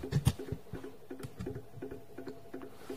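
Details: Harvard Apparatus Pump 11 syringe pump running an infusion set to a 10 ml target volume: quick, regular soft ticking of the stepper motor.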